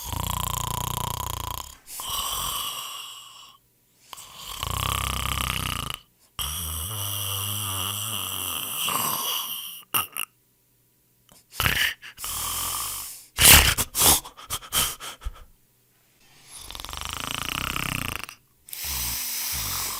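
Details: Loud, rough snores on the in-breath with quiet pauses between breaths; snoring from upper-airway vibration during sleep, from a snoring sound-effect collection.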